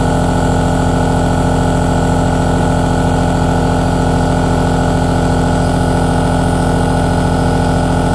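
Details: Aerosol nebulizer running: a steady, unchanging compressor motor hum with a low rhythmic buzz throughout.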